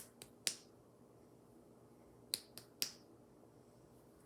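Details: During a head-to-toe nursing assessment of a female patient, three quick, sharp percussion taps over the abdomen, then the start of a voice; a normal tympanic abdominal percussion note.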